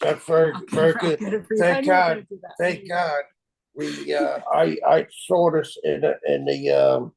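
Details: Aphasia caused by stroke in a man 25 years after the stroke.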